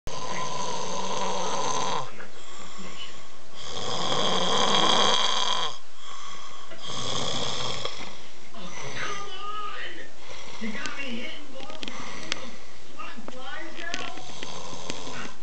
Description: snoring sleeping, passed out